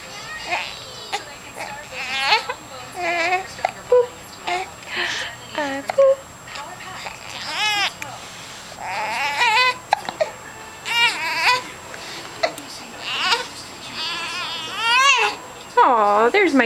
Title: Getting upset with his hiccups